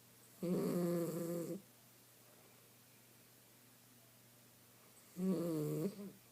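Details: Sleeping miniature schnauzer dog napping gives two buzzing, tonal inspiratory snores about five seconds apart, quiet room noise between; snoring.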